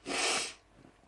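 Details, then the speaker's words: A single loud, explosive sneeze that fades quickly, from a vlogger who says their hay fever is terrible and they randomly start sneezing; part of a sneezing fit. "my hey fever is terrible I just randomly start sneezing for some reason"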